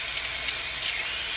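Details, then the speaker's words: Dental drill: steady, high-pitched whine wavering slightly in pitch, played as an example of a cringe-inducing sound. "all right now let's do a favorite one that a lot of people who have which is the dentist drill and I know this affects me slightly when I'm at the dentist"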